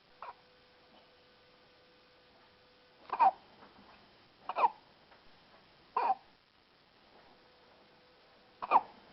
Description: Synchronized hiccuping